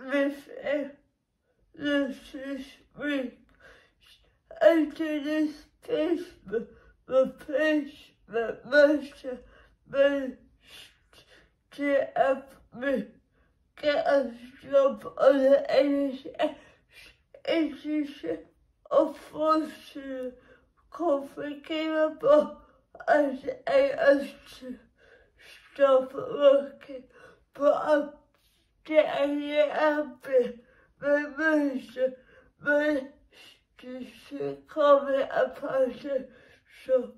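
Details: Woman with cerebral palsy, which she says makes her muscles and movements difficult; dysarthric speech in cerebral palsy.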